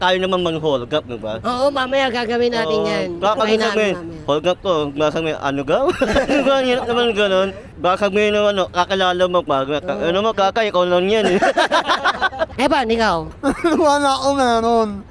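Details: Young man who had palate surgery as a child and learned to speak late; hypernasal speech after cleft palate repair.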